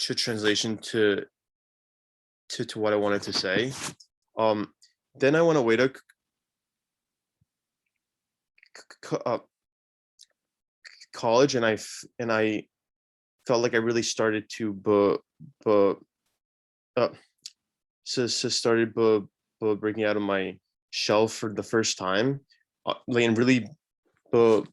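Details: Young panelist from India who stutters (stammers), speaking about his own experience on a live online panel of young people who stutter. Stuttering.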